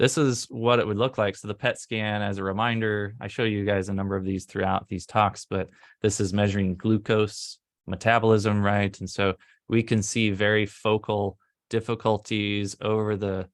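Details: Adult male speaker; normal speech.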